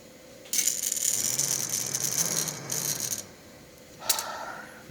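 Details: AirLife volumetric incentive spirometer demonstrated for lung expansion after surgery or pneumonia, aiming for a 1500 goal: hissing airflow and rattling during a forceful inhalation that overshoots the top line, then a brief click.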